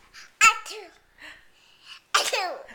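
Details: Child practising playful sneezes with an adult: two short, sharp, voiced bursts with quieter vocal sounds between them, in a quiet room.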